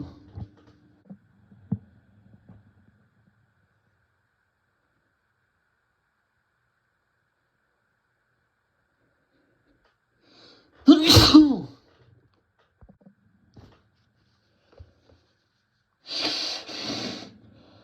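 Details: Tissue-induced sneezing: in a quiet room, two loud, sharp, forceful, fast and wet sneezes with explosive release; strong sneezes.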